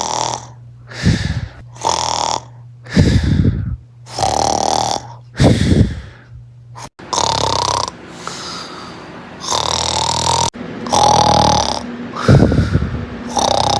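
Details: Loud, irregular snoring in a dog with harsh rattling breaths, some snorting, sighs and uneven gaps between breaths; heavy snoring.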